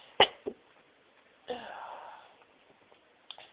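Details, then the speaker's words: Sharp sneeze burst, then a short catch and drawn-out breathy follow-through with a faint final burst, during a sneezing fit at home after being sneezy at work all day; sneezing. "I've been sneezing all day. Oh, bless me. Oh, this sneezes a bit all over my chest."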